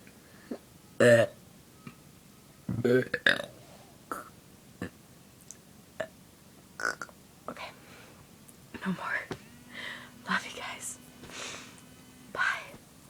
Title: Burping out of bordum...